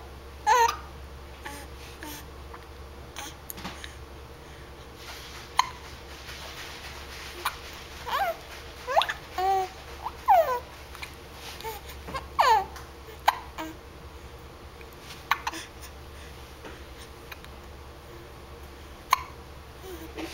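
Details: Baby hiccupping: about ten short, abrupt hiccup sounds over twenty seconds, some with soft babbling; repeated hiccups.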